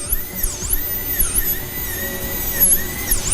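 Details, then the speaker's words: High-pitched dental drill whine, pitch dropping and recovering as the bur slices the distal proximal surface of mannequin tooth 45. This is a metal-ceramic crown preparation with partial coverage, a bur-width slice inverting distal convergence toward occlusal. "E vamos tirar uma fatia de acordo com o próprio volume da broca, não mais do que isso."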